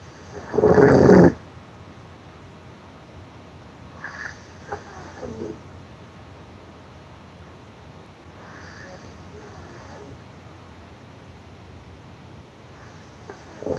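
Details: Loud rasping snore followed by softer snoring breaths a few seconds apart, noisy snoring during sleep.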